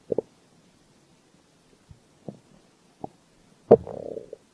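Soft gurgles and pops followed by a short, rising growl from the belly, ordinary stomach rumbling.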